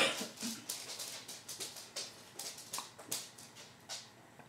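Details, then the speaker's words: Repeated short, sharp, squeaky hiccups, each a brief high yelp likened to meows; hiccups. "Your hiccups sound like meows. See, I hiccuped."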